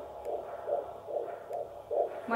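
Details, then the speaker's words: Normal fetal heartbeat on Doppler at 16 weeks of pregnancy: rapid, regular whooshing pulses at about 140 a minute. "gewoon een mooie regelmatig snel hard je ook kijken als ik nu een hartje heb van 40 slagen in de minuut word ik niet zo blij dat heel langzaam heel langzaam"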